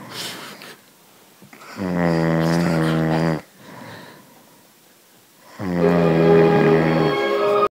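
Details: Adult man snoring: loud, rattling snores on the in-breath, each lasting over a second, with quieter out-breaths between; typical heavy snoring.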